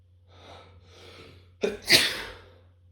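Two soft in-breaths, then quick sharp sneezes in close succession.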